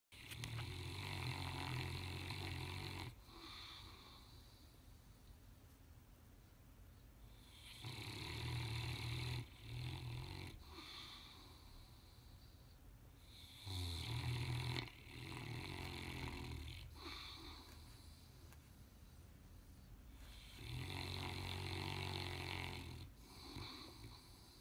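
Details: A sleeping Saint Bernard snoring: loud, rattling snores about ten times a minute with quiet breaths between.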